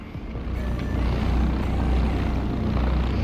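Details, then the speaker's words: High-frequency chest wall oscillation (portable airway clearance vest) worn by a person with cystic fibrosis during daily therapy: loud low rumbling buzz with rapid pulsing, vibrating the chest to loosen mucus for coughing out. "and it sends vibrations into your chest walls and helps shake up your lungs and shake loose the Meuse the mucus secretions that get stuck to the laws of the lungs to help you coffee it out better this one isn't very loud but I can turn it on"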